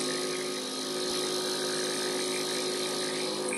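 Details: Steady buzzing motor hum with a constant whine from a running Drive Panda pediatric compressor nebulizer (quiet 55 dBA compressor, child-friendly design) during a child's breathing treatment.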